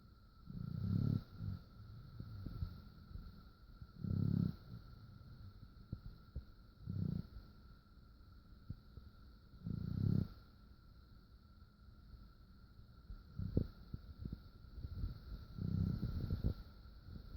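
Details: Fostered pet asleep beside its foster mom in her bed, its snoring said to keep waking her: low, rumbling snores recurring about every three seconds, roughly 20 a minute, over a steady background hum; snoring during sleep.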